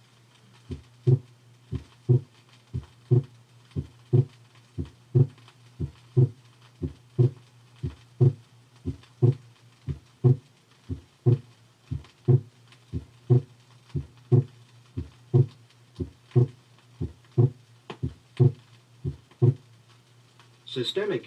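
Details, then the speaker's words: Systemic hypertension, 1968 teaching recording: accentuated aortic second heart sound, most evident in the second right interspace, where the loud component may mask splitting of the second sound. "produces an accentuated a ortak second sound which may be most evident in the second right interspace"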